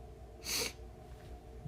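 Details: Male: a single short, sharp sniff of air drawn in through the nose against faint background room noise during a livestream; sniffle.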